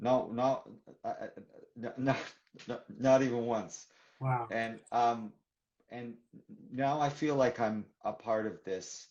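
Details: Adult man who stutters, speaking in a real live conversation for International Stuttering Awareness Day; stuttering.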